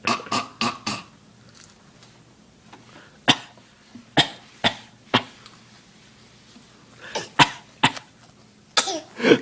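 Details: A child coughing at dinner gives about a dozen short, sharp coughs in several bouts over nine seconds.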